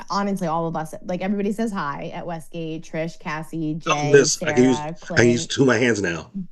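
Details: Adult speaker; ordinary speech.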